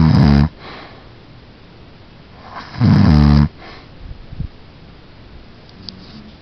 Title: snoring...